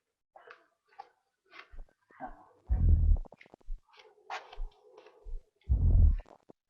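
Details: Lung sounds from a wireless stethoscope used by doctors treating COVID-19 patients in Wuhan: muffled breaths with soft, short, scattered crackling pops, called abnormal fine crackles.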